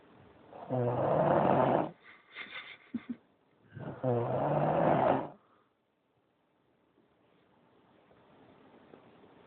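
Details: Sleeping dog snoring: two loud, rough snores with snuffling sounds between them, then quiet.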